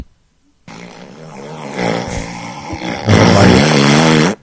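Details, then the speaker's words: A recorded adult man snoring during sleep: a long, rough, rumbling snore that grows louder and harsher toward the end. "that's actual tape tape of your dad snoring does this sound familiar a lot it does wow this was recorded during yesterday's news this is why he has to room with RJ he does snore"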